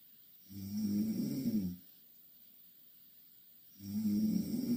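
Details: Two Korean girls sleeping in the same bed; loud, rough, low rattling snores on each breath, about three seconds apart, roughly 18 to 20 breaths a minute, with quiet pauses; snoring.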